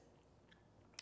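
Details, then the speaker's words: Faint crackle then a sharp click from the wrist during an arm-stretch exercise; painless joint crepitus from gas bubbles releasing. "big deal it's called crepitus it is gas bubbles releasing when you hear that popping as long as you have no pain no problem"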